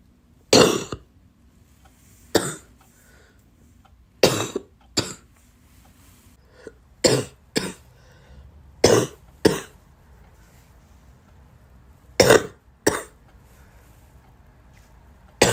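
About ten sharp, loud coughs, mostly in pairs, with quiet pauses between in a small room.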